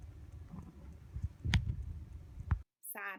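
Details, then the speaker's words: Cat with feline asthma in a severe coughing episode, just after a vet visit with X-rays and bloodwork (heart disease was feared): low, rough hacking coughs with sharp bursts, nearly vomiting at the end. "this week though he started coughing very very very bad we actually have a video of it um it's kind of upsetting it almost sounds like he's going to vomit at the end"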